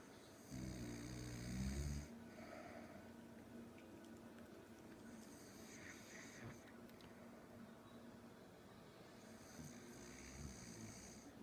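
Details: Adult mother snoring while asleep: low, rumbling snores on breathing in, several seconds apart, over steady room noise.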